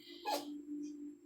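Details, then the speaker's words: Cat sneezing in the background of a room recording; sneezing. "excuse me I'm sorry if you hear that my cat is sneezing"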